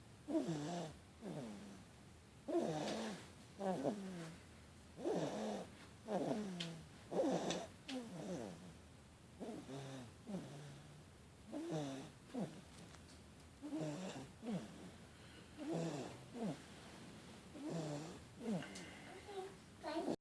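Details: Soft, rhythmic snoring at about 28 breaths a minute, with a rattling, purr-like sound on each breath in a quiet room: snoring.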